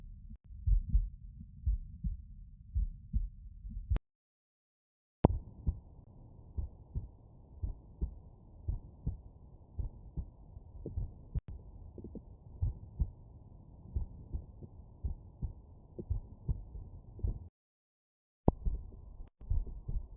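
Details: Heart sounds on stethoscope auscultation over the mitral area, with the subject lying on the right side: steady, regular heartbeat thumps.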